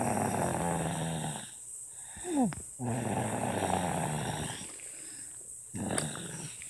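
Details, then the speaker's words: Snoring in a sleeping 1-year-old baby: long rumbling, rattly breath sounds with brief quiet gaps and a short squeak; asking whether this is normal. "Is this normal for a 1-year-old sleeping baby?"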